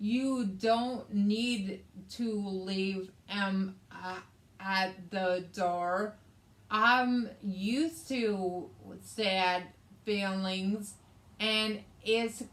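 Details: Adult woman with aphasia, which also affects her reading and writing, after a hemorrhagic stroke in May 2020 that required brain surgery and left right-sided hemiparesis; aphasia.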